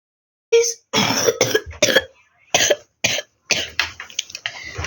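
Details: A child's cough recorded during Minecraft gameplay: a series of harsh, throat-clearing coughs in short bursts, about eight in five seconds.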